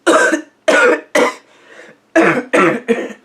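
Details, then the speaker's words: Acted, simulated cough in a short film: six harsh cough bursts in quick groups with a brief breath between; a friend urges getting the cough checked out. "hey man I think you should probably get that checked out what"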